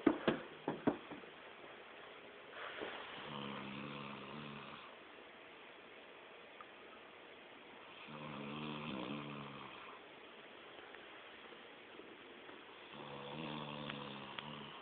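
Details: Adult man passed out asleep at a friend's, snoring loudly "like a chainsaw": rough, rattling inhaled snores, three in about fifteen seconds after a few sharp knocks, before being woken as a prank; ordinary loud snoring.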